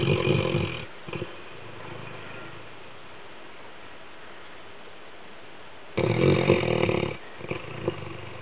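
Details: Sleeping Labrador guard dog snoring loudly and roughly: two long rattling snores separated by a quiet pause of several seconds.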